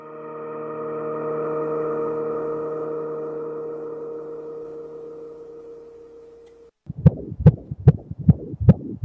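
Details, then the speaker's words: After a sustained musical tone fades, rapid whooshing pulses of a baby's heartbeat on sonogram (fetal Doppler ultrasound). "that a beautiful sound the sonogram holds the sound of a baby's heartbeat"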